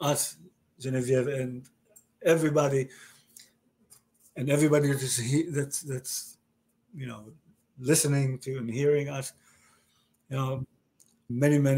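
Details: Male stroke survivor diagnosed with aphasia after a stroke about 30 years ago, in conversation with word-finding difficulty; aphasia.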